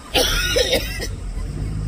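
An adult gives a short run of about three harsh coughs over steady outdoor engine noise.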